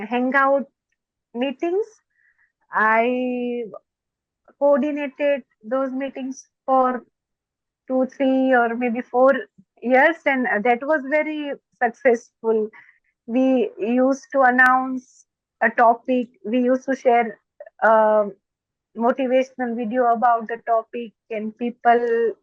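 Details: Stuttering in an adult woman who is a doctor; stuttering.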